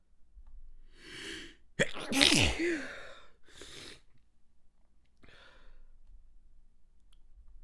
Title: More Stifled Sneezes and Congested Sinuses